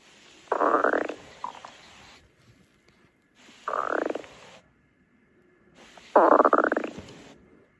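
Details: Three loud gurgling, rumbling bursts with quiet gaps between them: stomach growling (borborygmi), ordinary gut sounds.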